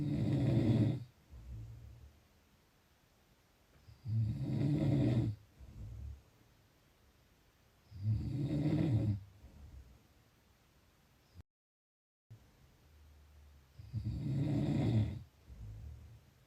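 Loud, low rumbling snores on each in-breath, about 15 per minute, with softer snorting out-breaths between.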